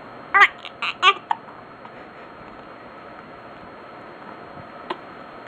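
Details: Infant gets mad at hiccups: a few short, abrupt squeaky catches, a cluster then one more.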